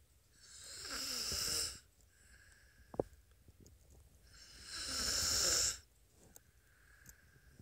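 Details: Four-year-old boy sleeping peacefully; two slow, airy snoring breaths about four seconds apart in a quiet room; gentle snoring in a sleeping child.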